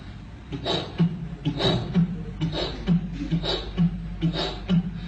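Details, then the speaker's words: Vocal imitation of an aortic regurgitation murmur: soft early diastolic blowing sound after each beat, decrescendo, described in a lecture on heart sounds and murmurs. "اورتيك ريجيرش سوفت ايرلي دايستوليك مع النزله."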